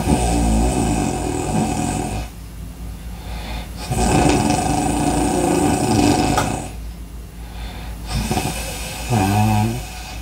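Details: Loud, rough snoring and heavy breathing in slow cycles of about 12 breaths a minute, with a low rattling vibration on each breath.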